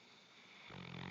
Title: Snoring Bloodhound